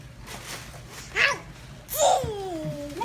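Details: A young child sneezes with a quick intake and sharp burst, followed by a voiced trailing sound.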